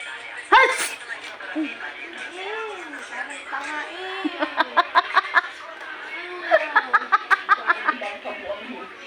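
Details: Sneeze prank on family: one loud sneeze burst, then talk and rhythmic laughter; prank sneeze, possibly faked.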